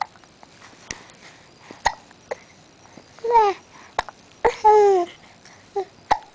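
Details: Infant hiccups, possibly while sucking his thumb: repeated sharp, clicking hiccups at an irregular pace of about 40 a minute, mixed with cooing and babble.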